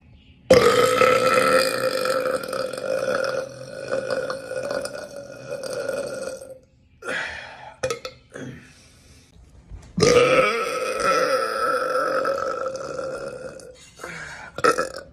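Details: Repeated voluntary burping: two long, loud, drawn-out belches with short gulping sounds between them.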